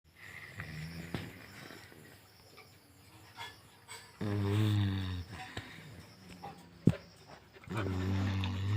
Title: Golden retriever snoring #dog #breed #goldenretriever